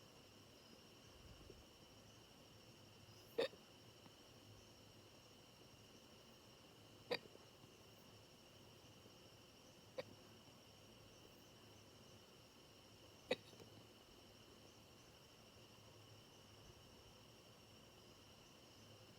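Four sharp, brief clicking gulps spaced several seconds apart over a quiet hum; hiccups, about 16 per minute.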